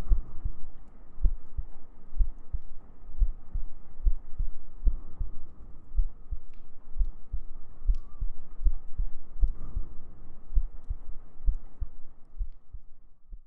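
Soft regular low thumps under a steady hum and faint background sounds; a calm heartbeat.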